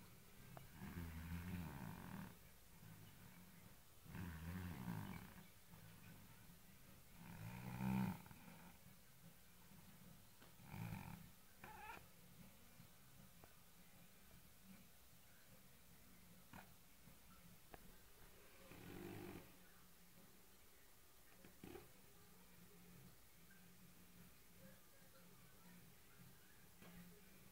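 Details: Overweight white cat, sleeping, snores loudly with deep, rattling breaths at irregular intervals that fade toward the end.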